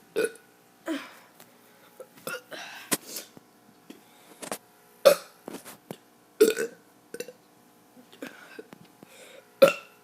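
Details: Child deliberately burping on camera: repeated burps, several loud and some softer, in a quiet room; voluntary belching.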